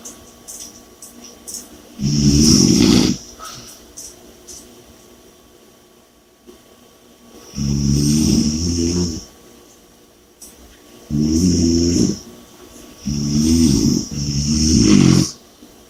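Loud, rough, rattling snores in irregular bursts, some close together, separated by quieter breathing; heavy snoring with a faint background hum.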